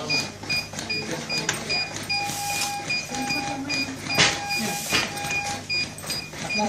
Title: Automated CPR Machine